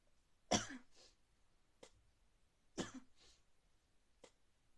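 Two sharp, explosive bursts, each followed by a brief softer snort, in a quiet room, consistent with sneezes.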